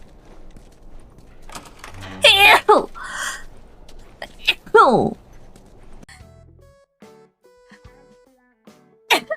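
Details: Two sharp voiced sneezes, each a sudden burst trailing into a falling cry-like tone, then faint electronic tones.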